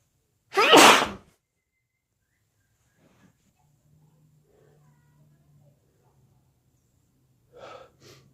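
One loud, wet, explosive sneeze, followed by quiet breathing and two softer sniffs or snorts near the end.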